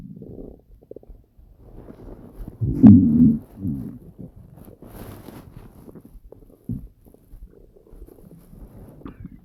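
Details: Hungry stomach growling while lying on side, half on top of the belly: low gurgling rumbles with one loud drawn-out growl and softer churning; borborygmi.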